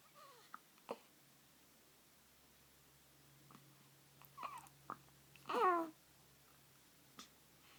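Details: Person with hiccups: several brief, sharp, irregularly spaced hiccup sounds in a quiet room, with one short vocal sound in between.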